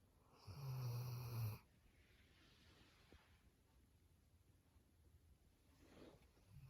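One loud, low, rattling snore on an in-breath, then a quiet breath out and a soft start of the next breath; snoring.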